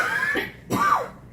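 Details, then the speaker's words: Chronic cough in an adult woman coughing for about 30 years, beginning in her first trimester of pregnancy in 1986: two short, voiced cough bursts in quick succession. "So imagine coughing like this for 30 years."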